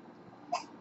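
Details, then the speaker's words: A single short, abrupt voiced hiccup from a baby girl against quiet room noise. "I was not completely obvious something she's got the hiccups hey girl"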